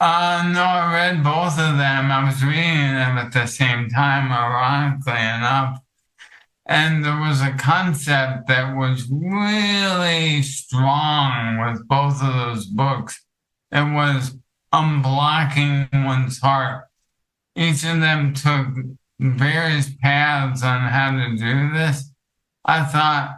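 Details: Adult counselor with ALS affecting his vocal cords, making it hard to talk for long periods and reducing his ability to speak clearly; dysarthria (ALS).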